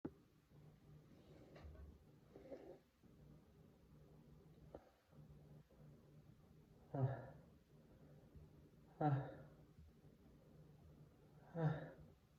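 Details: Quiet breaths followed by three short, partly held-back sneezes in a quiet room; sneeze.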